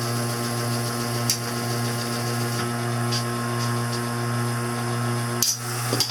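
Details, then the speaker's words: Steady low motor hum with faint scraping rasp of a vacuum spatulator mixing a thick half-stone, half-plaster mix for first-stage flasking of a full upper denture. "i'm using a vacuum spatulate ER i always use a vacuum spatch later to mix my stove for blasting"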